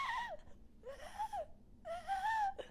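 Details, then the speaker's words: Three high, whistling, wavering sounds made by an adult voice imitating the wheeze of an asthma patient; imitated wheezing. "sometimes they get Wheezy Wheezy is let me see if I can imitate wizzing I want to try and imitate it they sound like"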